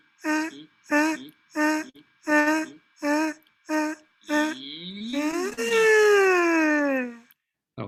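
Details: Vocal fold paralysis at second examination two months after the first, with less atrophy and better than before but not normal: partial spontaneous recovery of vocal fold paralysis.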